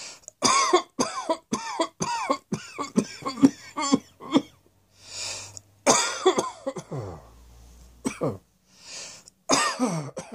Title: Cross Dressing Coughing 80